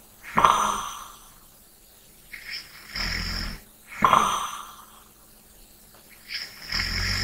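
Snorting snores alternating with softer, airy breaths, about two cycles in seven seconds. Light, rough snoring during sleep.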